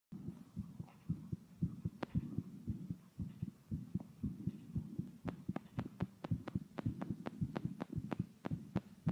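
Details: Heartbeat recorded after vigorously blow-drying the hair. Steady low thumps at roughly 110 beats a minute, with sharp clicking noises over the second half. Heartbeat.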